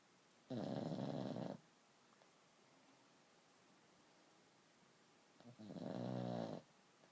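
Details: A sleeping pug puppy snoring: two loud, rattling inhaled snores about five seconds apart, each lasting about a second, with quiet room noise between.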